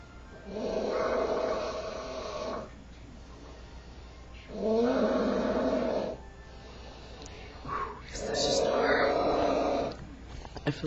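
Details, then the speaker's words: Man with a severe snoring problem recorded asleep: loud, harsh rattling snores on each in-breath, about 16 breaths a minute, quieter out-breaths between; sounds like fighting for air. "so bad for you. I can just hear yourself fighting for air."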